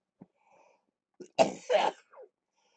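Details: A faint breath, then two close harsh cough bursts and a short trailing exhalation: productive cough during lower lobe chest therapy for cystic fibrosis.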